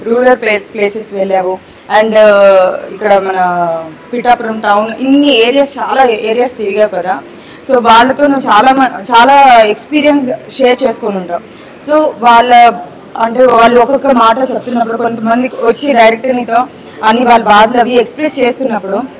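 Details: Adult woman speaking; Normal speech.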